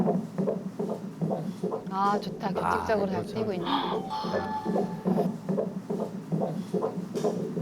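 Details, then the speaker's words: Normal fetal heartbeat on Doppler at 145 beats a minute, within the normal range, with a healthy, well-growing baby: rapid, regular whooshing pulses. "진짜 애기 심장박동이고 심장박동도 정상범주에 잘 들어가서 얘기는 아주 건강한 것 같습니다"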